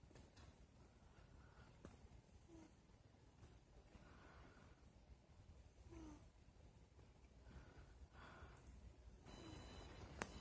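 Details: A female pet cat, recorded on a phone in bed, snores lightly in her sleep.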